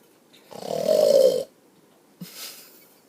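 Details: Father asleep with his child, one loud, rough, rattling snore lasting about a second, then a softer breath; snoring in sleep.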